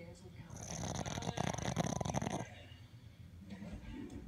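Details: Boston Terrier snoring while sleeping and dreaming: a long, fluttering, rattling snore from a small dog, followed by a softer one.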